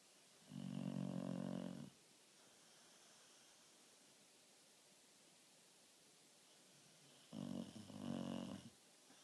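Two loud, rough, buzzing snores with a quiet pause between them, heard in a small quiet room. Ordinary snoring.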